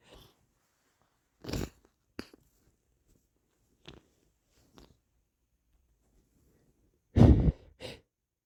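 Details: Several short, muffled, partly stifled bursts of air with a louder double burst near the end, with wet sniffling; suppressed sneezes.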